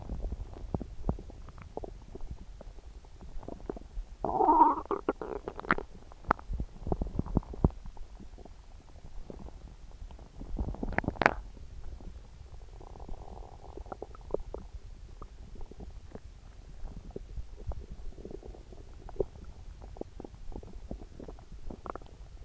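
Gurgling, rumbling abdominal sounds with a few louder growls, typical of an upset stomach.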